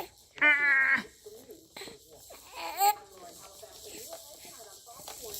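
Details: Infant with hiccups, possibly getting hungry: short, high-pitched fussing cries, two brief wails followed by soft grunting sounds in a quiet room; infant cry.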